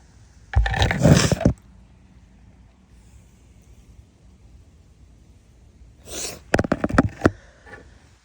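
Two forceful, wet-sounding sneezes separated by a quiet pause; sneezing during a cold.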